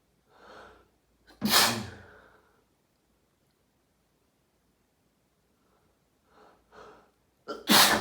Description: Had my daily fit after taking a shower, this time I recorded the second half of the fit for you!